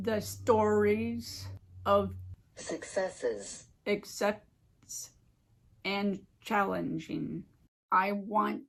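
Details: Adult who had a stroke 15 years ago and lives with aphasia and apraxia, speaking in a recorded presentation; aphasia with apraxia of speech.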